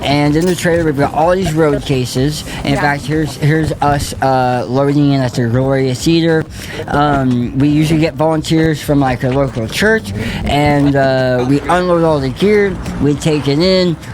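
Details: Speech of an adult male who lost 80% of his tongue to stage 4 cancer (partial glossectomy) and was told he would never speak again; he now speaks and sings.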